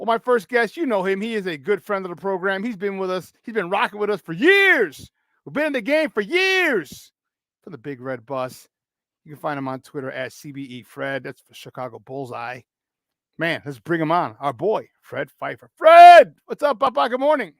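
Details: Adult male speaker, radio host; Normal speech.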